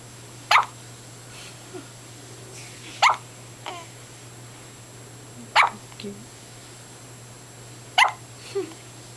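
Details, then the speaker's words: Daughter with hiccups sounding like a little puppy barking: four sharp, high hiccup bursts, each followed by a soft catch of breath, about 24 a minute, quiet room. "just got the hiccups right now. That's so cute. It sounds like a little puppy barking."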